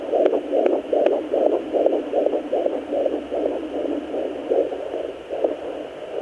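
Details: Home Doppler at 17 weeks of an IVF twin pregnancy (boy and girl), uterus 2–2.5 in above navel; rapid regular whooshing pulses about 150 a minute over steady hiss, a normal fetal heartbeat.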